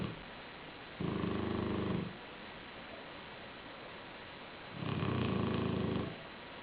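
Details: Black shar-pei dog snoring while asleep on a pillow: two low, rumbling snores about one second each, several seconds apart, over steady background hiss.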